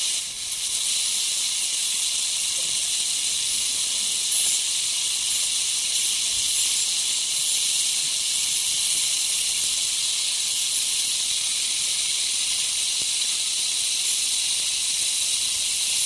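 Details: Ultrasonic piezosurgery unit with a round diamond tip cutting a dental sinus window osteotomy for sinus lift: steady high-pitched hiss with water spray, continuous as it sweeps across bone.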